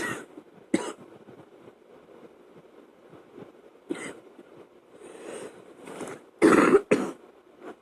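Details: Adult woken from sleep at night by a chest cold gives a coughing fit of about six harsh, irregular coughs with throat-clearing, over a steady fan hum.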